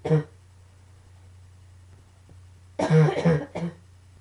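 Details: A single cough, a pause, then a quick burst of three harsh coughs, during a coughing fit combined with allergies; coughing fit.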